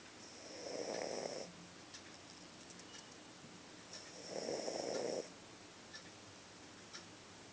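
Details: Heavy snoring while asleep: two loud, rough snoring breaths drawn in, with quiet exhalations between them.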